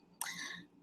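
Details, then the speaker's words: An adult with seasonal allergies and exercise-induced asthma coughs and reports wheezing: one brief, harsh, airy cough burst, with no clear wheeze audible. "however there's only one me and right now as you can hear me coughing and wheezing um this cocktail of seasonal allergies and exercise indu induced asthma um it's really taking a toll"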